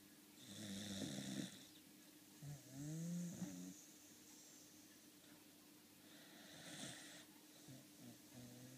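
Loud rattling snores on each breath in, with quieter breaths out between them: snoring during sleep.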